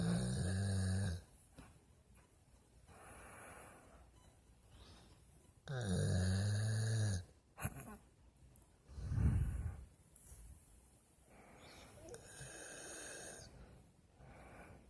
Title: Our dog snore lol